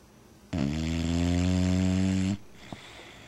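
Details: Dog (BeeBee, a little girl) napping snuggled warm on a cold November morning gives a single loud, buzzing, low-pitched snore lasting about two seconds, then quiet: snoring.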